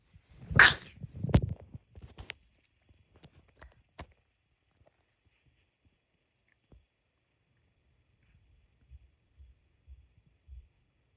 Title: sneeze 10